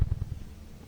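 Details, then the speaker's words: Simulated normal heartbeat ("lub dub") in an educational piece on the human heart: a few quick, deep, muffled thumps that fade. "can you hear the heartbeat a tiess pump the heart sees us through life every second"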